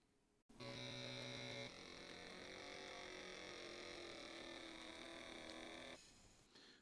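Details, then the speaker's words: Steady electric motor hum for about five seconds as a Withings BPM Connect cuff inflates tightly on an adult's arm, then stops, during an automatic blood pressure measurement. "it says blood pressure so BP press it again and there it is it's getting tight in my arm"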